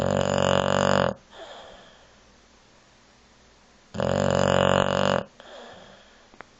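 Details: Snoring: two loud, rough, rattling snores about three seconds apart, each followed by a softer breath out.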